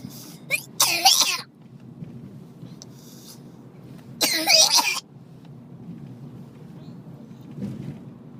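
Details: A sleepy child coughs in two short bouts of harsh coughing, with quiet room noise between them; cough.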